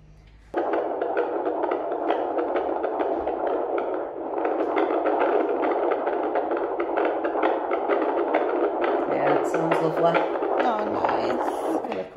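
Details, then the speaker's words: Fetal heartbeat on Doppler at a routine 9-month pregnancy check-up, baby head down: rapid, strong whooshing pulses at about 130 beats a minute, a normal rate, described as really strong. "So, as you guys just saw, I heard baby's heartbeat. Always makes me so happy when I hear his little tiny heartbeat. So yeah, it was really strong."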